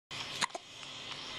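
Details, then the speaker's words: Infant gives a single short, high, squeaky hiccup with a faint echoing click; baby hiccups. "Get the hiccups like a little chicken."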